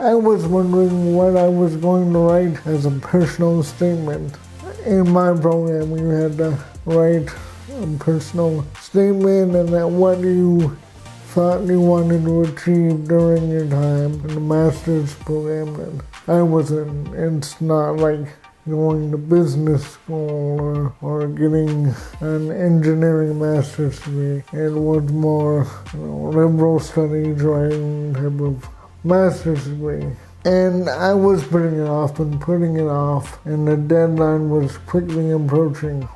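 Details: Adult man with cerebral palsy, with walking difficulty and frequent falls: dysarthric speech.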